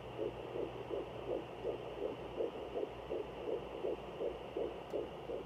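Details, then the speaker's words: Fetal heartbeat on a Sonoline B home fetal Doppler, moved slowly over baby's usual spot: rapid, regular galloping whoosh about 160 beats a minute, clearly faster than the mother's slower heartbeat, over steady hum. "see you can clearly tell the difference between mine and the babies the babies are so much faster"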